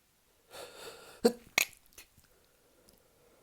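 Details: Sneezing while drunk: a quiet inhaled build-up, then two sharp sneezes in quick succession with softer trailing sounds; a brief bout of repeated sneezing.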